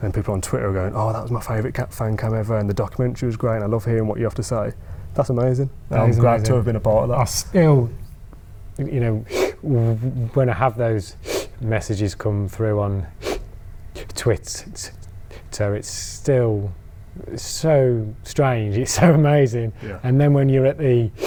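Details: Adult man who stammers: stammering (stuttering).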